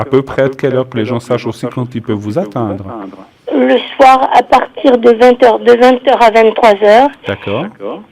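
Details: Adult man and adult woman in conversation, radio or phone line; Typical speech.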